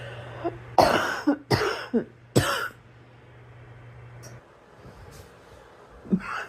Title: Girl coughing 182